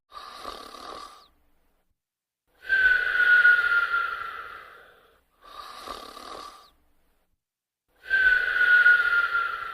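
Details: Snoring and whistling: two rounds of breathing, each a short faint in-breath and a longer breath with a thin high whistle; noisy snoring with nasal whistling.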